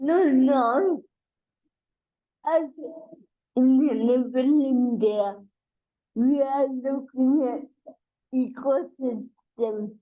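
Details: Adult woman with cerebral palsy, a real speaker in a conversational interview; dysarthria (cerebral palsy).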